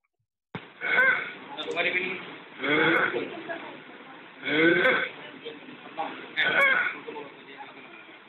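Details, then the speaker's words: Inspiratory stridor in an unwell boy in respiratory distress with subcostal recession and tracheal tug: loud, harsh, noisy inspiratory breaths at about 30 per minute, from upper airway narrowing. "You can hear an obvious what seems to be inspiratory stridor, but also he's got those signs of subcostal recession, tracheal tug as well."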